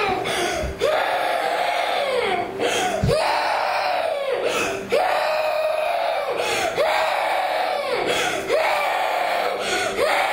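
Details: A child cries loudly in repeated wailing bursts with sharp breaths between them; crying.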